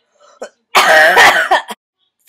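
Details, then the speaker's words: Adult with a cough from a likely throat virus: a quick breath in, then a loud, drawn-out, harsh, throaty, raspy cough; cough. "I've been coughing a lot and so I got a lot of my coughing on video video and so I thought I'd put it into a montage for you enjoy my coughing Montage"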